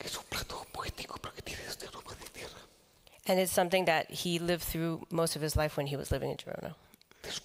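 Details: Adult man with the neurological disease dystonia, which in his case causes uncontrollable neck movements and can affect other body parts; he says he has no real tone of voice because of it; aphonic, whispered speech.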